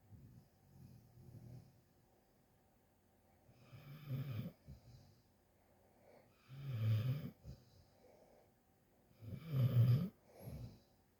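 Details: Dog asleep, snoring: deep, rumbling snores with breathy exhales, about three breaths in eleven seconds, in a quiet room.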